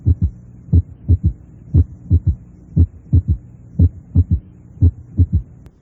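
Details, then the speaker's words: Normal third heart sound in a child, heard with the stethoscope bell applied lightly: regular low-pitched beats near 60 a minute with a soft extra thud 0.12–0.18 s after S2; physiologic S3. "es de tono bajo y debe buscarse con la campana aplicada suavemente sobre la pared toráxica escuche un tercer ruido normal en un niño con un receptor de campana aplicado suavemente"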